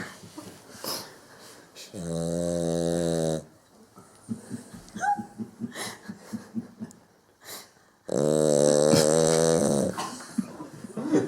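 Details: Sleeping dog snoring: two loud, buzzing, drawn-out snores about six seconds apart with soft fluttering breaths between them.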